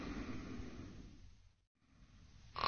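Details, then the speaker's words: Simulated sleep-disordered breathing on a model: low, rough snoring that fades toward silence as relaxed upper-airway soft tissues progressively narrow the airway and reduce airflow, leading into an obstructive apnea. "the suction effect of each inward breath tends to draw the soft tissues down towards the back of the airway over a series of breaths the airway progressively Narrows and the air flow"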